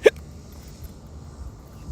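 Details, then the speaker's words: Hiccup in an adult man while speaking: a single sharp, brief hiccup followed by quiet room noise. "hear the hiccups coming in, right? It's all good."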